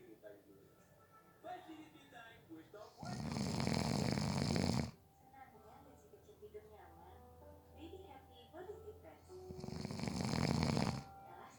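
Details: A person napping gives two loud, rough snores with quieter breathing between them and faint background music: ordinary snoring during sleep.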